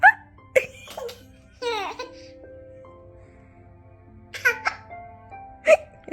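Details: 15-month-old girl: a few sharp, abrupt hiccup sounds mixed with giggling over soft background music; ordinary hiccups.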